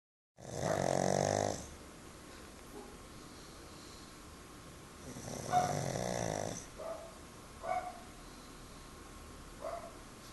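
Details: Sleeping pug: two long, buzzing snores followed by short snorting snuffles; typical flat-faced dog snoring.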